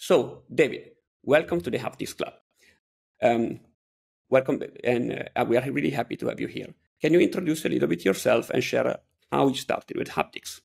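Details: Adult male speaker; typical speech.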